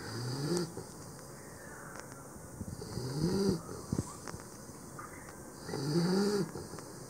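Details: Pitbull puppy, very tired after a big day, snoring in sleep: soft rhythmic snorting breaths, some with a squeaky rising tone, about 20 per minute in a quiet room; snoring.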